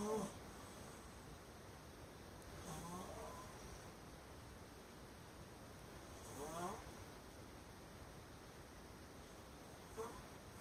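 Soft rattling snores on inhalation, recurring every few seconds over quiet room noise, with a sharper snort near the end; snoring.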